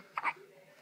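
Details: A single soft, abrupt hiccup from a newborn girl one day after birth; hiccups.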